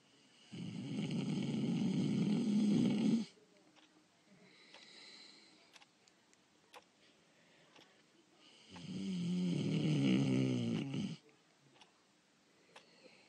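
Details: Voice-over imitation of snoring, acted for an animated character remake: two long, loud, rumbling snores with quiet pauses between them; simulated snoring.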